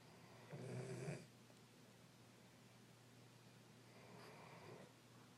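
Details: Sleeping Doberman dog with two soft, low rattling snores about three seconds apart over a steady room hum; gentle snoring.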